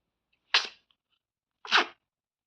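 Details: Two short, sharp sneezes in quick succession in a quiet room; sneezing.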